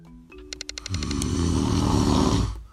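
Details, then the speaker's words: Self-recorded adult snoring, presented alongside sleep apnea: a brief rapid fluttering build-up into a loud, coarse, rattling snore lasting about two seconds, opening with a tuneful tone. "sound is me snoring I had never heard it before until I recorded it but every person that has slept next to me has suffered through it that sound has ruined countless relationships for me"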